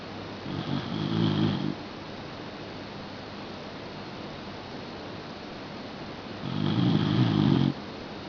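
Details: Two long, low, rattling snores on inhalation over steady room hiss, from a Shiba Inu dog sleeping in the family bed; loud snoring.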